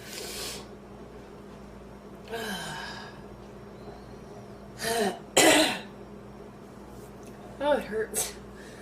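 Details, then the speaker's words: Harsh, forceful coughs and throat clearing in bursts with strained breaths between, from a woman who inhaled part of a sandwich; a painful coughing fit returning after she thought it had settled. "i thought i was done and then i went right back into another coughing fit"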